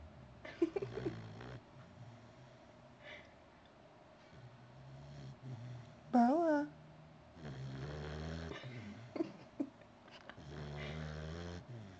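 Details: Female puppy asleep on a person with her eyes open; soft, low rumbling breaths with small squeaks and one brief whine: a sleeping puppy snoring.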